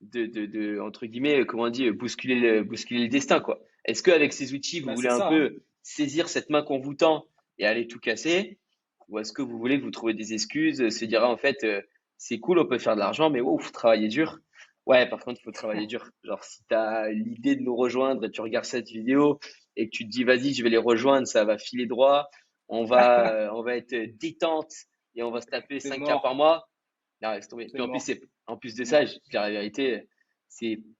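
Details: Adult male speaker; normal speech.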